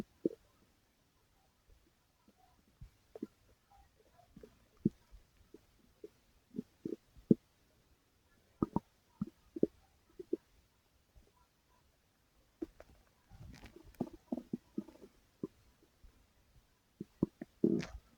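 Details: Stomach growling (borborygmi) recorded while it was active: scattered short gurgles and squeaks with a longer rumble near the end.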